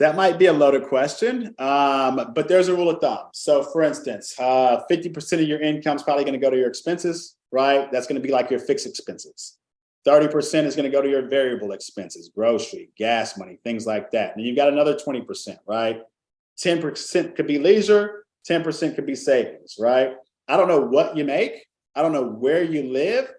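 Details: Adult speaker; normal speech.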